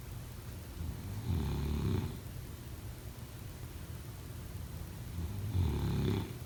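Two low rumbling snores about four seconds apart over quiet room noise; ordinary snoring during sleep.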